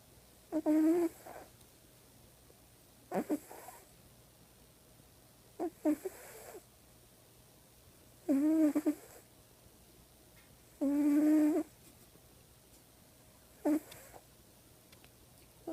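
Rhythmic rattling, buzzing snores on each breath, about 23 per minute, with quiet gaps between; snoring during sleep.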